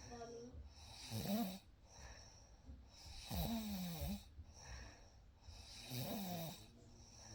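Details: Real night recording of a baby sleeping: three soft, rumbling snores on breaths in, roughly every two to three seconds, with faint background hiss; gentle snoring during sleep.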